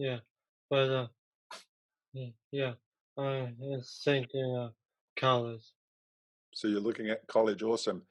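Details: Young man who had a stroke at age 15 from a ruptured arteriovenous malformation and was left in a coma; three years later he has aphasia, with trouble getting words out but not with understanding.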